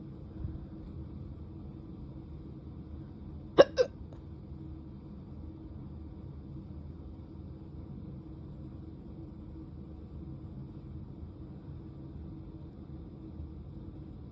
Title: drunk hiccups